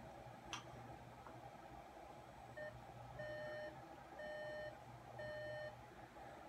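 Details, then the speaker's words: A patient's Medtronic ICD under a programming head, with the phone held close, plays its low-urgency alert: repeated half-second beeps about once a second, sounding like a truck backing up. "there's the low intensity which sounds like a truck backing up"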